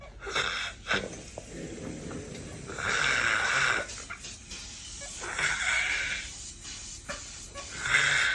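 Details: Harsh, noisy snoring breaths from a sleeping adult with obstructive sleep apnea, recorded during diagnosis in a sleep lab.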